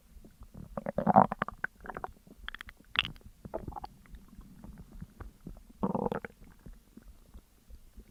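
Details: Bowel sounds (borborygmi) after eating a McDonald's meal of double cheeseburger, large fries, large coke and caramel McFlurry: gurgling, bubbling abdominal noises in irregular bursts during digestion.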